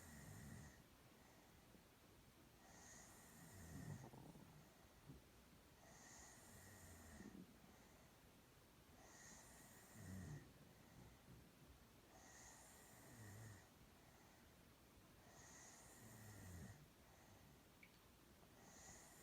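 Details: A girl out cold in sleep snores softly and regularly, about 19 breaths a minute, each breath with a low rattle and a hissing exhale.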